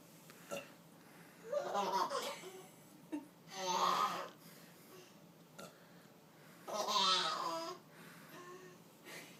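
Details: Burping by a mother: three loud, drawn-out throaty belches while her child laughs, with music in the background.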